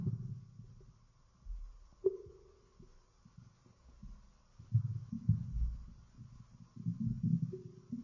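Low gurgling rumbles come and go in a quiet room; ordinary stomach growling from gas and fluid moving through the gut.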